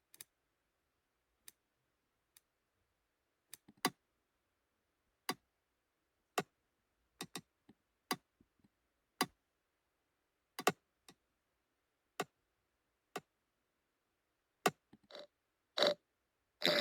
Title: Pulsatile Tinnitus & Ear Clicking Sound Replication & Sharing